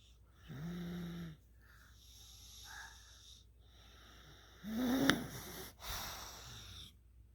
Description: 3 years old - snoring